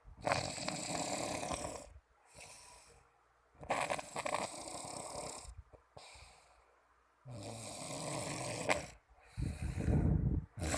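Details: Snoring.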